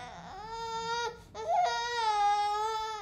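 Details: A baby gives two long crying wails separated by a quick breath, with the room quiet behind; ordinary infant crying.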